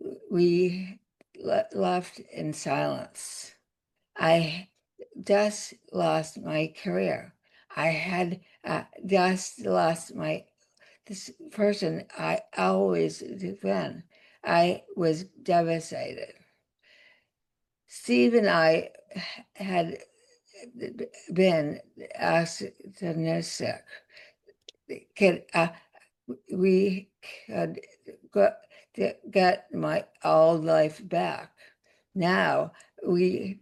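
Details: Adult woman with aphasia after a significant stroke that also caused paralysis, speaking in conversation; aphasia.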